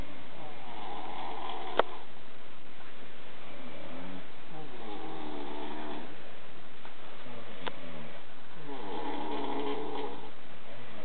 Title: The infamous snoring video